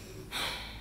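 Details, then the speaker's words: Stage play, acted: a young woman, asked to breathe hard during chest auscultation, takes a single quick, forceful breath; forced breathing. "Ora io la ausculto eh signorina respiri forte più forte ancora più forte"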